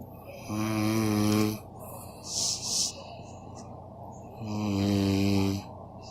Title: My dad snores